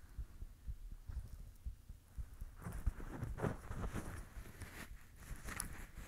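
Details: Heartbeat.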